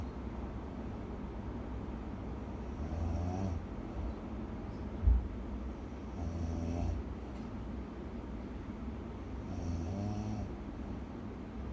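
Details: Person sleeping beside the recorder snoring loudly: low rumbling snores, three breaths in about eleven seconds, over steady room noise; snoring.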